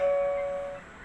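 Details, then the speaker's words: Single clear electronic chime fading over about a second: a patient in room 101 presses the nurse call on a wireless hospital nurse call system demo. The alert shows on the app, LED screen, LED bulb and monitor. "Okay, the patient in room number 1 is making a nurse call. So it comes on the app, it comes on the LED screen, it comes on the LED bulb, it comes on the monitor."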